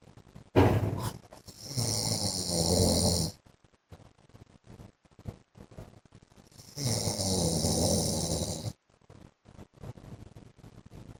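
Two long, harsh snoring breaths with snorting between them and quiet pauses: heavy snoring during sleep.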